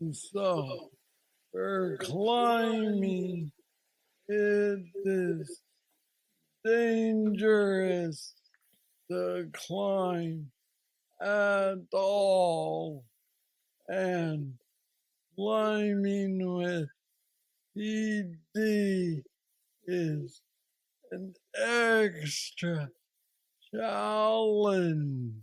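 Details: Parkinsonian speech (hypokinetic dysarthria) in a 46-year-old man diagnosed with aggressive Parkinson's disease at age 35, with mobility problems and treated with a deep brain stimulator implanted two years after diagnosis.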